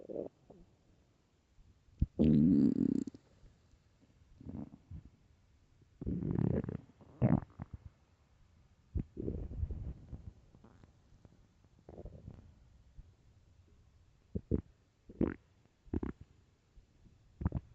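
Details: Extremely loud, irregular gurgling and rumbling bursts from the belly with quiet gaps between them: stomach growling on an empty stomach, borborygmi.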